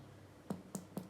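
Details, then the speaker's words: Abdominal percussion across all quadrants during physical examination: three short, hollow taps giving a tympanic note within normal limits; bowel sounds earlier normal at 5–30 per minute. "saya akan melanjutkan perlakuan perkusi gimana melakukan terkunci ini pada seluruh Quadrant abdomen Hai Saya mau mendengarkan suaranya timpani timpani"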